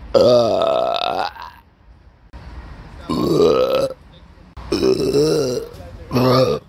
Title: #Burp in Stellingen || #Rülpsen in Stellingen